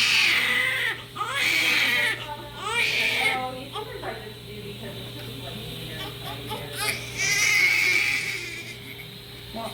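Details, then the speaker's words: Loud, repeated wailing cries of a newborn girl just after birth in hospital, with adult voices in the room. "Oh, you're loud. You're loud, girl."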